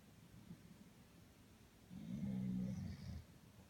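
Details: Snoring in sleep: quiet breathing, then one low rumbling snore lasting about a second.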